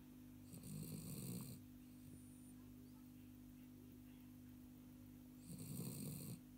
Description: Hilde (Pig Weasel) Pup sleeping upside down and snoring away.